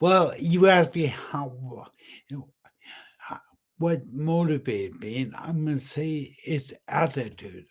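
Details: Ataxic dysarthria with aphasia in an adult man about 10 years after a brain aneurysm followed by a massive stroke; he was initially totally unintelligible, and a clinician identified ataxic dysarthria.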